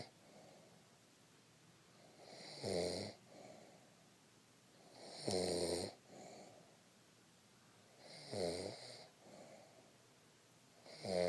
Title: snoring grandmother